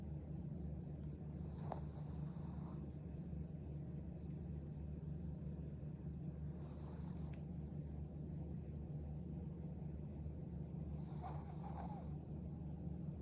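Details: Shih Tzu dog snoring, first time the owner heard it: soft, faintly whistling snores roughly every four to five seconds, about 13 a minute, over a constant low hum.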